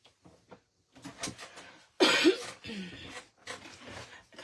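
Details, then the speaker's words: A single loud, harsh cough amid quiet room sounds and soft murmured speech during a live crafting session. "This cough is going to be the end of me, y'all. Actually, it's not bad. I've had worse coughs as many of you know."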